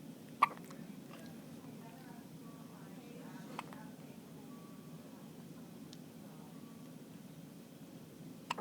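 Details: 2-day-old infant girl with hiccups: two or three soft, abrupt hiccup clicks spaced several seconds apart over steady room hum.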